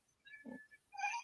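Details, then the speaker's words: Young child with breathing concerns and possible sleep-disordered breathing: a brief, rough snorting breath followed by a higher, whistly breath sound: snoring. "so the key things with little children who have breathing concerns are oh is snoring in kids so you can hear"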